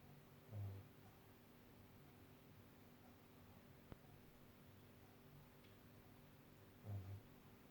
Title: snoring